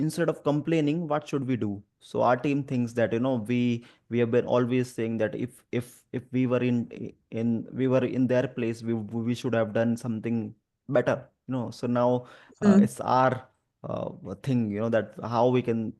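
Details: Adult male who stammers and also has dyslexia and dyspraxia; real spontaneous speech with word repetitions; stuttering.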